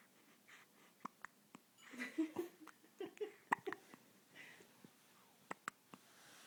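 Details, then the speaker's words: Baby with hiccups: short, sharp, repeated little catches between quiet breathy sounds and soft whispering, described as sounding like a little froggy. "do you have the hiccups? Here you go. He sounds like a little froggy."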